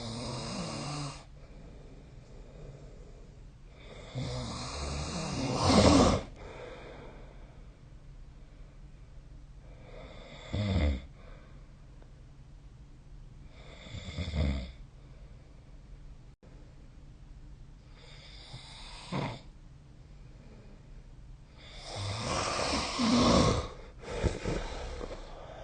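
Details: Rough, rattling snores recurring with each inhalation, about 14 to 16 a minute, in a quiet room; snoring.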